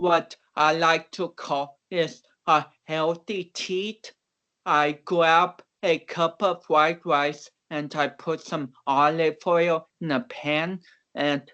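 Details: Dysarthric speech in cerebral palsy in a man of about 29, a powerlifter; doctors had not expected him to walk or talk.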